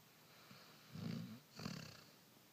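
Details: Two low, rough rumbling breaths in a quiet room: snoring in a sleeping dog.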